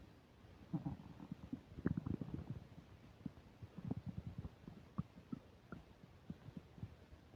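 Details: Upset digestion while eating a burger and fish fries, microphone close to the belly: frequent low gurgling and bubbling rumbles with short pops; active bowel sounds (borborygmi) during eating.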